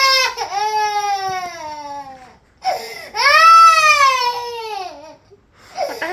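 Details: Two long, rising-and-falling wailing cries from a 16-month-old toddler with catches of breath between them; an ordinary upset cry while being disciplined.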